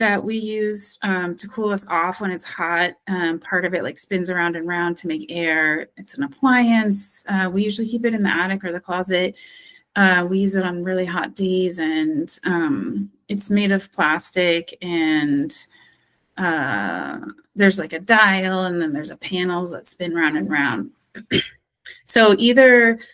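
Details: Acted: speech-language therapist role-plays expressive aphasia after stroke, unable to retrieve a target word and describing it by function, category, location and appearance (semantic feature analysis); anomia with circumlocution.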